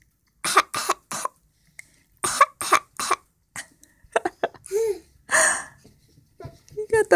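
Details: Adult performs an exaggerated, harsh imitation of a heavy "black lung" chest cough in quick runs, which a listener finds hilarious; imitated cough.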